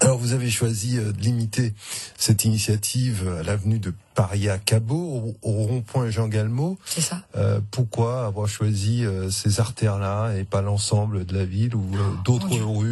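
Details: Adult male speaker; Normal speech.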